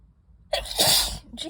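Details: Allergic sneezing fit triggered by dust from books: a quick breath in, then one sharp, explosive sneeze with a short tail.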